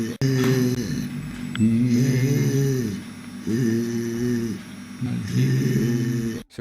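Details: Bloated, polypoid, grape-like vocal folds, usually from chronic smoking, e.g. about 30 years; Reinke's edema voice.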